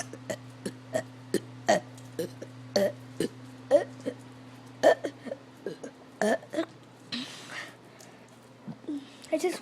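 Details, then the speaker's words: Adult burping after drinking about three gallons of water that day: repeated loud voiced belches, about a dozen in under ten seconds, over a steady hum; frequent burping. "hey YouTube today I drink a lot of water okay I just went to the bathroom three times and listen to this man keep on burping whenever I want"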